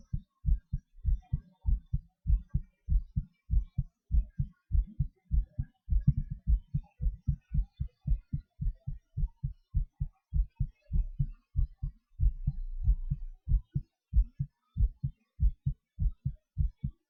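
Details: Self-recorded own heartbeat during breath-holds and panting (hyperventilation): regular low thumps averaging about 98 a minute, speeding up and slowing down; normal heart sounds with rate changes.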